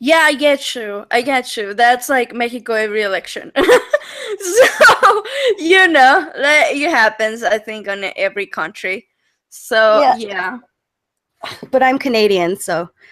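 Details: Adult woman speaking; normal voice.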